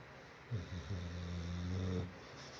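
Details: Sleeping pit bull dog snoring: a deep, drawn-out rumbling snore, low and steady like an adult man's snoring.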